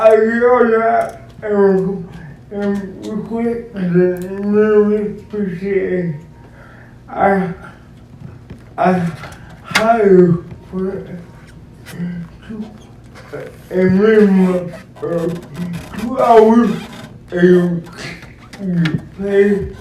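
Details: Adult man described as physically challenged with a speech impediment, a wheelchair user needing a personal care assistant: dysarthric speech.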